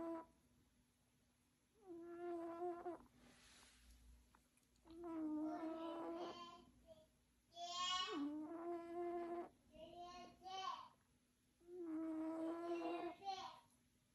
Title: My snoring is unstoppable 🙀#cat